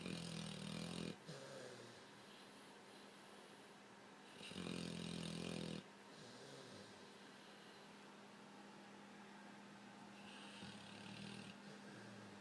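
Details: Sleeping overweight blue-nose pitbull making facial movements: loud, rough snoring in long bursts on breathing, with quieter noisy breaths between.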